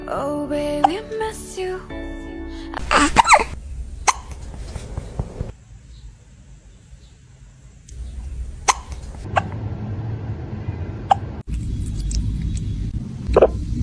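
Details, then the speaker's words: Kitten with hiccups: brief sharp hiccup clicks repeating at irregular intervals under loud background music while a person asks if it has the hiccups; hiccups. "baby oh hello have you got hiccups [Music] do you have the hiccups oh baby be"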